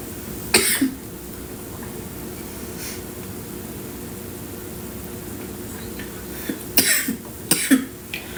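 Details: Woman with a headache and cough: a few short, dry coughs at the start and again near the end over steady room hum.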